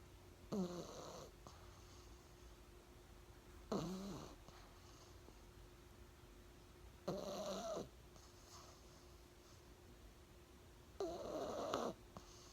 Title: Thunder pug snoring